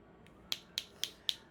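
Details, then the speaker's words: Focused shockwave device set high at 35 on the hand for Dupuytren's contracture, dense tissue, pinky contracted, seven-year history: four sharp, evenly spaced clicking pulses about four per second. "This is the focus shockwave and we've got it up high at 35."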